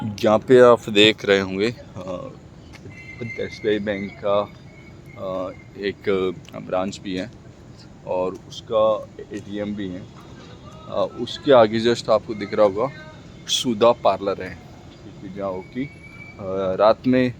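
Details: Adult man speaking Hindi who stammers, speaking for his own practice; stuttering.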